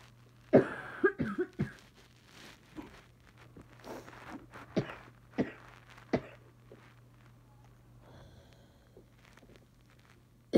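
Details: Adult with bad allergies and sneezing, now coughing, gives a string of short, dry coughs with quiet breathing between them in a small room; owner wonders whether it is allergies.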